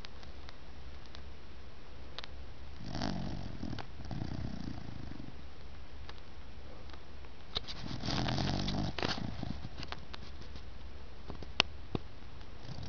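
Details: A sleeping 6-month-old puppy gives two soft, low, rattling snores over quiet room noise: ordinary sleep snoring.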